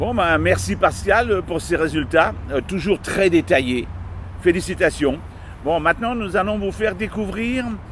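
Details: Adult speaker; normal speech.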